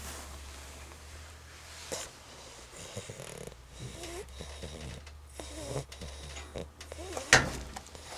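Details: Sleeping puppy: soft, irregular snuffling breaths with a louder snort near the end, over low room hum; snoring.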